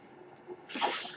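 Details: Mechanical ventilator noise from the speaker's own ventilator during a spoken podcast: quiet room hum, then a soft rush of hissing air building and fading as the ventilator delivers a breath.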